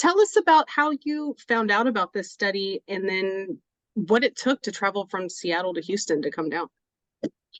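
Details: Adult woman speaking; no speech disorder.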